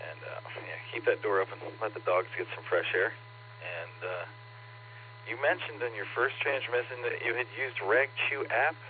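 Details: Adult male over two-way radio; normal speech.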